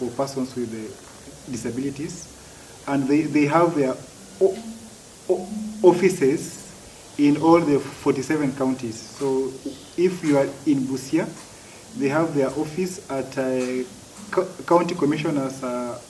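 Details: Adult man who has stammered since childhood, with blocks and difficulty uttering words that worsen when he is over-excited; stuttering.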